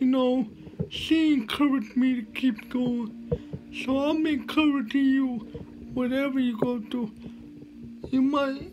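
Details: Man who lives with cerebral palsy speaking: dysarthric speech in cerebral palsy.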